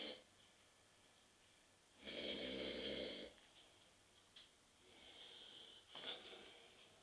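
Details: Adult husband asleep on a sofa at 9.30 p.m. after too many beers: a loud rasping inspiratory snore, then quieter breathing and a softer second snore over low room noise; ordinary sleep snoring.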